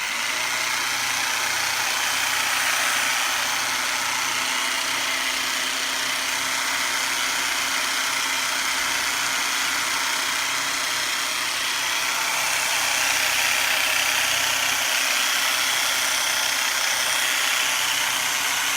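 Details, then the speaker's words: Continuous loud motor buzz with fast steady pulsing, about 200 a minute, from a handheld percussive chiropractic adjusting instrument on a prone patient with a history of Chiari malformation, neck tension and headaches. "I'm gonna use a little blue machine right up here okay"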